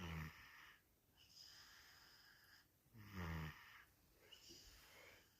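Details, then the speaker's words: Sleeping toddler boy with a very blocked nose and a cough, given children's Vicks and medicine: soft, noisy, whistling breaths and short snores due to nasal blockage. "नहीं, it's all because उसका nose blockage है बहुत ज़्यादा।"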